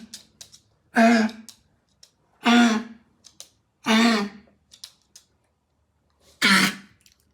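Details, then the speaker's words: Dog with kennel cough (infectious tracheobronchitis) gives four harsh, honking, gagging coughs, as if choking on something stuck in its throat; owner first thought a foreign object was lodged; may bring up watery phlegm. "кашляет собака так буд чем-то подавилась и пытается избавиться от инородного предмета в горле иногда она может отхаркивать водянистые"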